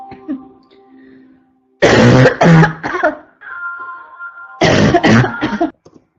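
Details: Adult woman with a constant cough gives two runs of three harsh, forceful coughs with a low barking quality over faint tones; barking cough.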